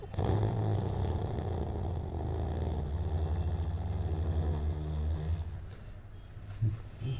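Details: Labrador retriever puppy in deep sleep in a person's arms, snoring with a long, deep, fluttering rumble that rises and falls with the breath.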